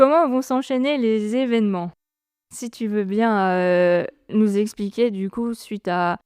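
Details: Adult speaker (interviewer); Normal voice.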